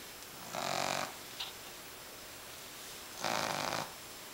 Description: Our boston terrier puppy has the loudest snore! Look, his eyes are even open.